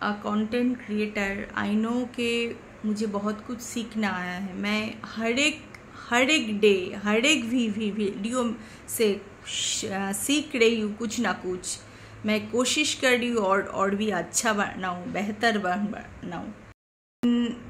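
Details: Stuttering in an adult woman speaking Hindi, present since childhood, intermittent, worse when tense or angry.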